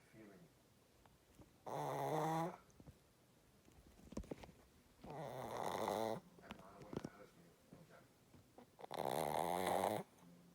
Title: Our girl snores, do not miss it 😂😴💕